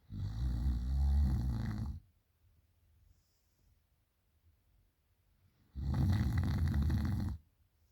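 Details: Girl snoring loudly at night: two long, low rattling snores on inhalation with quiet pauses between.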